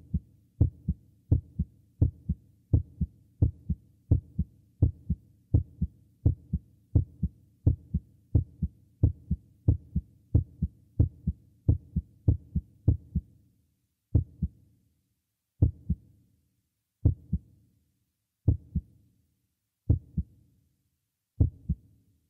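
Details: Heartbeat sound effect at changing speeds: regular paired low thumps at about 86 per minute, slowing to about 42 per minute.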